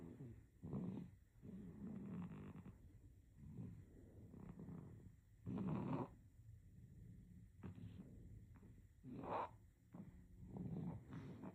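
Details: Baby with soft rattling snores on each breath, roughly 12 breaths a minute, in a quiet room; infant snoring.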